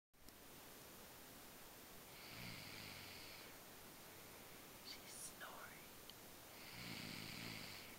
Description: my sister sleeping and snoring!